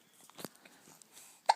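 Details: Soft, sharp, brief hiccup catches in a quiet room, the last one abrupt and louder, from a 2-month-old baby on the morning of its vaccinations; the baby is described as still getting hiccups often: hiccups.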